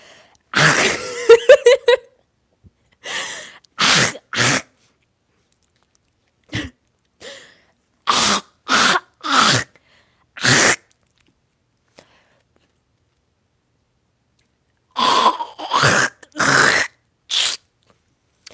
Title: having a coughing fit for 30 seconds straight 💀